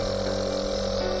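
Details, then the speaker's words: Nebulizer compressor switched on with the mask over a child's mouth and nose: a steady low motor hum with a constant tone as fine medication mist is delivered for slow, deep inhalation, usually for 5 to 10 minutes. "Switch on the power and the compressor. A fine mist of medication is released, which can be inhaled deeply and slowly through the mouth."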